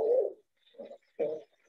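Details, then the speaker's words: Wheezes with crackles on a lung exam in a case of restrictive vs obstructive lung disease, patient with temporal muscle wasting: musical, whistling, wet-quality breath sounds on both inspiration and expiration. "um yeah good so um yeah so we hear a little bit of wheezing and what we call that is both inspiratory so when the patient breathes in and expiratory wheezes when the patient breathes out"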